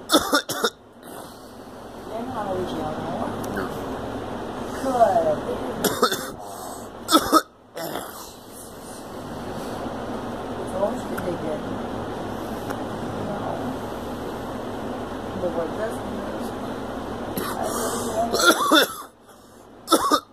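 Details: Girl gives several short, harsh coughs separated by stretches of talking or vocalizing.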